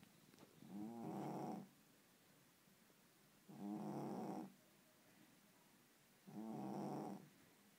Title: Snoring cat (Puss)